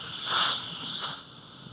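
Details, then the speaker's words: Dental surgical suction used by an assistant as the reamer turns away from the facial during Bicon SHORT implant site preparation: two short bursts of loud airy hissing, then quieter background. "so as you see this our assistant Joanne is is suctioning just in the time when the reamer is actually uh turned away from the facial okay"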